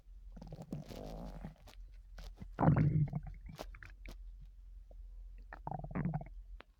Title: loud stomach noises lol